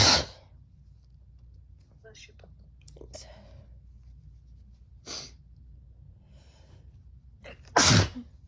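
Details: Someone unwell sneezing repeatedly: several sharp sneezes at intervals with faint snuffling between them, in a quiet room.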